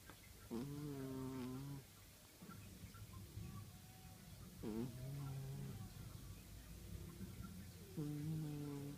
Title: Snoring kitty